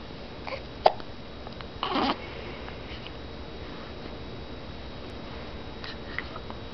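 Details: Several brief, abrupt catching sounds in a quiet room with steady background hiss; hiccups.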